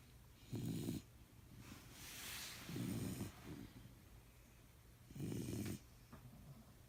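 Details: Three harsh, honking hacks from a dog with raspy breathing between them; owner suspects kennel cough.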